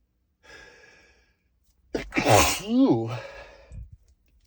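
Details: Breathy build-up, then a forceful, partly held-back sneeze with a voiced trailing cry; a stifled sneeze too strong to suppress fully.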